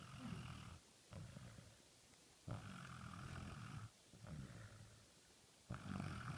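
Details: Fast asleep on someone's lap: low, rumbling snore sounds on alternating breaths in and out, roughly every 1.5 seconds, with short pauses; snoring during sleep.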